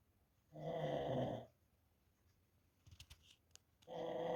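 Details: Deep-night snoring of an uncle and nephew: two long, rough, groaning snores separated by a quiet pause with faint room clicks; snoring during sleep.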